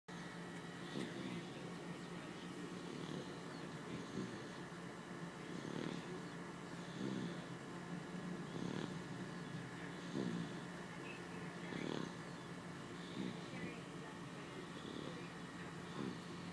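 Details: Soft, regular rasping breaths about every one and a half seconds over a steady hum during sleep; quiet snoring.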